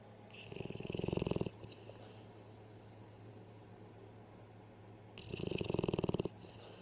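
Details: Sleeping animal snoring: two long rattling breath sounds about five seconds apart, with quiet in between; snoring.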